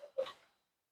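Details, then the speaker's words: Young boy coughing during recovery after cochlear implant surgery, likely a sore throat from the breathing tubes. "you can hear him coughing now. He still have that probably have like a little sore throat from the tubes being down his throat."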